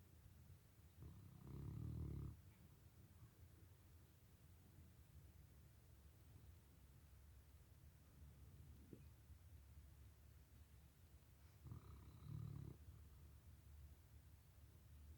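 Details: Sleeping puppy snoozing on a rainy day: two soft, low snoring breaths about ten seconds apart against faint room noise; light snoring.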